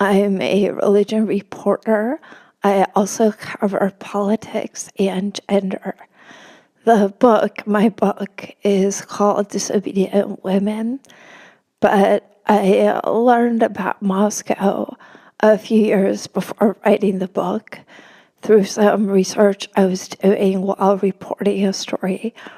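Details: Woman with spasmodic dysphonia, which she notes can make her sound nervous though she is not, speaking as a podcast guest; spasmodic dysphonia.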